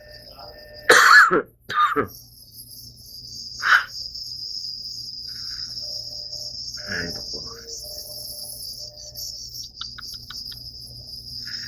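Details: Adult with asthma attack giving a few short, dry coughs against steady cricket chirping in the background.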